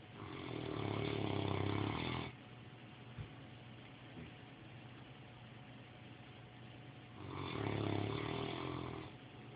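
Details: Snoring: two long, rumbling snores about seven seconds apart with quiet breathing between; slow, regular, roughly eight breaths a minute.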